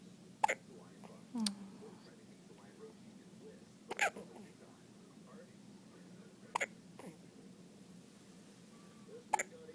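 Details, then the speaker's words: Baby with repeated hiccups on what is labelled "day 1" (unclear whether first day of life or first day of hiccups): four sharp, brief hiccup sounds a few seconds apart, with soft breathing between, in a quiet room. "Poor baby. Oh, did they go away? Oops. Spoke too soon."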